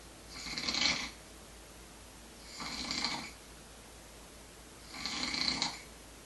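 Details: Light snoring: three hissing, airy breaths rising and fading about every 2.5 seconds, roughly 27 a minute.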